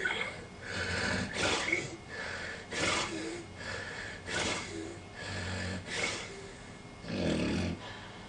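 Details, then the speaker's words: Obstructive sleep apnea in a snoring patient, repeated 50–200 times a night: after a breathing pause with strong abdominal efforts, loud rough snoring, snorting and gasping breaths as breathing resumes with open mouth. "another breathing pause another apnea see the abdominal efforts of terrific effort the patient is pushing for some pushing in order to be able to breathe to no avail"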